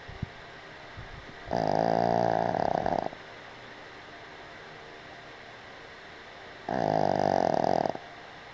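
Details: Boston Terrier snoring while asleep on a picnic table outdoors: two steady buzzing snores, each about 1.5 seconds long and several seconds apart.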